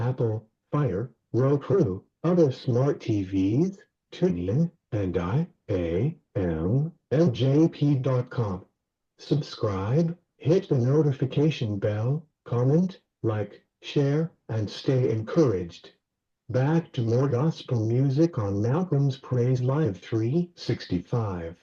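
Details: Male radio host with cerebral palsy; dysarthria.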